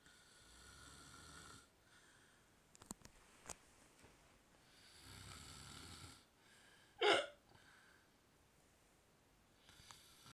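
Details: Drunk man passed out after too much drinking, with soft snoring breaths and a sharp, brief hiccup-like gulp midway; hiccups during sleep alongside snoring.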